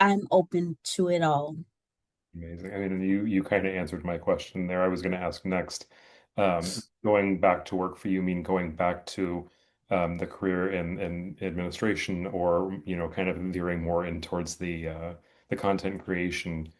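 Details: Adult interviewer; normal speech.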